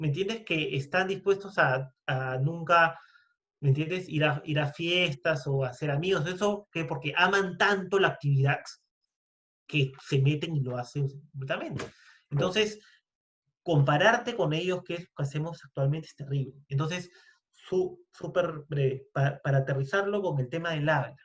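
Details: Spanish-speaking man who identifies as a person who stutters; stuttering.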